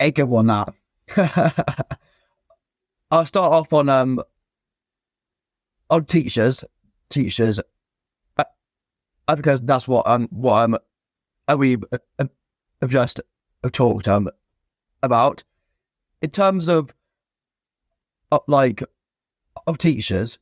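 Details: Stuttering (stammering) in an adult male former soldier, now a personal trainer, who has stammered since childhood.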